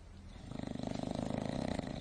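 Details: Sleeping dog: low, rapid, rumbling fluttering on the breath, growing louder over two seconds; snoring.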